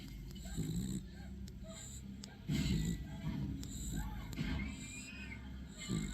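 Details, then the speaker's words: A sleeping female dog snoring loudly, possibly dreaming and kicking: irregular, low, rasping snores against steady room noise. "The snoring. She's snoring. She's snoring. I didn't know the dog snores that loud."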